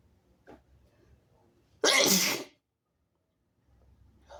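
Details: One harsh, forceful, noisy sneeze burst with faint breathing in a quiet room, from a sick nonbinary person (he/they) who is having very harsh sneezes with some harsh coughing.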